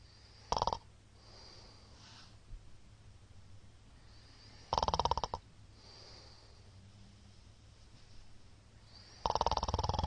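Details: Middle-aged man asleep, recorded 2022-02-23; the recorder judges it sleep apnea from the count of shallow hypopneas. Loud bursts of snoring separated by long quiet stretches with little breath sound: snoring with sleep apnea.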